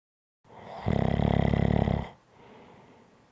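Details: One long, loud, rattling snore on an in-breath with a fluttering vibration throughout, then a quiet out-breath; snoring.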